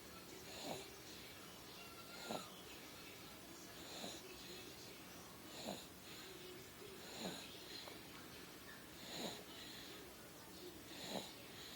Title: Snoring